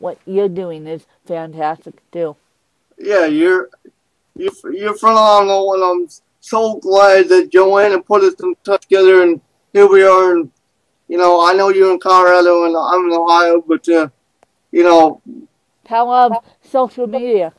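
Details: Adult man with cerebral palsy who reports a speech impediment, described as more marked than his guest's; dysarthria in cerebral palsy.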